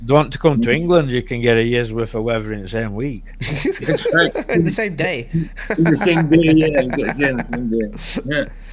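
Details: Adult man speaking; Normal speech.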